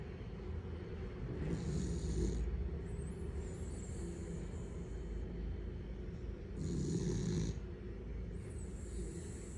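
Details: Snoring heard during sleep.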